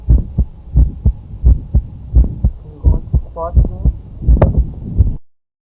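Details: Heart sound with a mid-systolic click: steady heartbeat near 85 per minute with a short, sharp click in the middle of each systolic pause.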